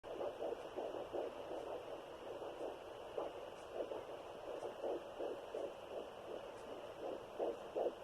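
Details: Fetal heartbeat at 12 weeks on a Sonoline B fetal Doppler with a 3 MHz probe, in a third pregnancy after two miscarriages: fast, soft whooshing pulses at about 165/min over a steady hiss.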